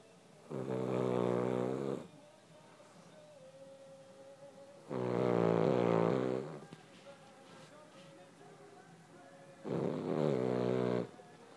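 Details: Sleeping dog snoring: long, buzzing, low-pitched snores about every four to five seconds, roughly 13 breaths a minute, with quiet room noise between.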